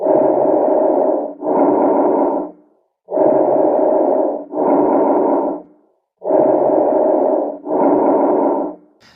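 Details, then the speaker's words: Normal bronchovesicular breath sounds near the main airways, with inspiration and expiration equal in loudness and duration. "दोस्तों हम बात करते हैं bronze के वैस्कुलर लांस साउंड के बारे में तो ब्रॉन के वैक्यूलर लांक कुछ इस तरीके से सुनाई देता है"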